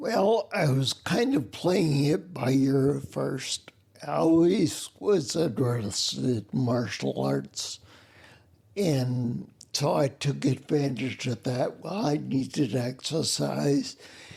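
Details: Adult man with spinocerebellar ataxia, a rare neuromuscular disease with mobility challenges and noise-induced anxiety; slurred words that sound drunk, unclear on the phone; ataxic dysarthria.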